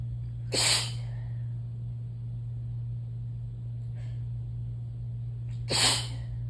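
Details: Person very sneezy since the previous night: two loud, wet, explosive sneezes several seconds apart, with a faint sniff between, over a steady low hum.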